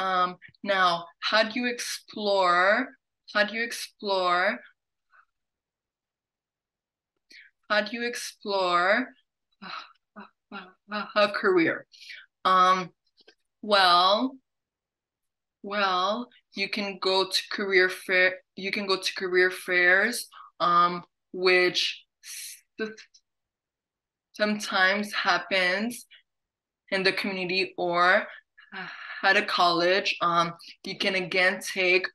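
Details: Adult woman who stutters, hosting a stuttering association webinar in English, with audible word and phrase repetitions; stuttering.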